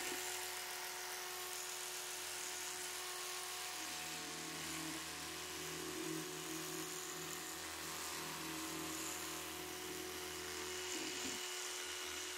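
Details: Electric toothbrush demonstrated in an ASMR dental check-up roleplay: continuous low rotating buzz with faint brushing sounds; it buzzes every 30 seconds to signal each mouth quarter.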